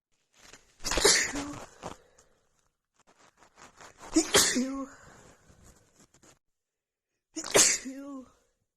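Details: Female with a head cold, congested nose, after sniffing a tiny bit of black pepper: rapid run of sneezes with gasping breaths and short cries between them. Sneezing fit.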